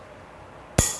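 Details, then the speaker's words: Examiner strikes a tuning fork, a sharp metallic strike then brief ringing tone, for vibration sense testing during a demonstration of the NESSCA spinocerebellar ataxia neurological examination; subject's fingers placed on the fork, both sides measured and averaged. "so this is my tuning fork give me your hand put your fingers are you feeling the vibration this is the vibration"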